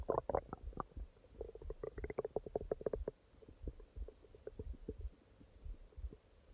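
Run of low gurgles and rumbling bursts that fade toward quieter growls, over faint room hiss; ordinary stomach growling.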